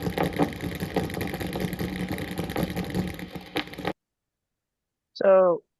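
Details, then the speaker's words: Needle EMG within a single muscle with a tremor, described as not a dystonic tremor: dense crackling static with recurring louder bursts of grouped, rhythmic motor unit firing; tremor discharge. "what you heard there, you heard uh a singular well the needles within a singular muscle but you can kind of get the gestalt the the grouping of that muscle contracting uh together but in a rhythmic pattern."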